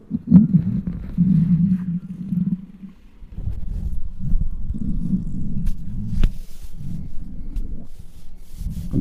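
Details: Loud, sustained low growling and rumbling with brief pauses, recorded with a microphone close to a very hungry adult's belly: hunger bowel sounds (borborygmi), normal.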